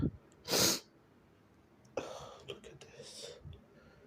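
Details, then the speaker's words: Shirtless person (he/they), sweating, in a quiet room: one forceful, wet, spraying sneeze, then a second, partly stifled sneeze with a breathy exhalation. "Let me see. I have to sneeze. Finally."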